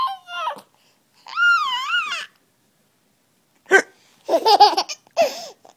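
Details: A brief, sharp hiccup from the mother, between bursts of giggling and cooing laughter from her 5-month-old son, in a quiet room: hiccups.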